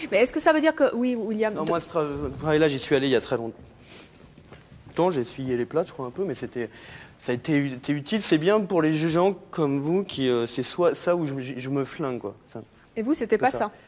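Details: Adult man who has stuttered since childhood, about 30 years, still stuttering and calls it a handicap; stuttering.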